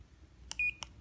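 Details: Two soft clicks and a short, high electronic beep as buttons are pressed to set the time and intensity on a wrist-worn semiconductor laser therapy device with 12 infrared light holes; device beep.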